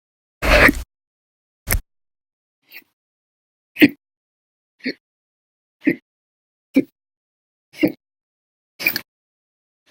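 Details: Persistent hiccups logged November 2019, some episodes lasting hours: ten short, abrupt hiccups about a second apart, some sharp and loud, others faint, in a silent room, audio only.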